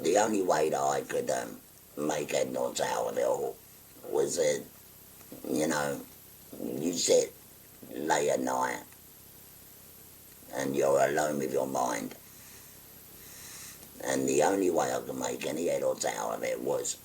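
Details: 57-year-old man, real patient, after total laryngectomy for stage four laryngeal cancer, speaking through a voice prosthesis (voice valve) by occluding his neck stoma with a button; tracheoesophageal speech after total laryngectomy.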